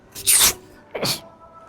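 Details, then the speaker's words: Two loud, hissing sneeze bursts about half a second apart, faked as a prank while spraying water on a friend; a deliberate imitation of sneezing, not a real one. "sorry bro sorry hay fever sorry about you"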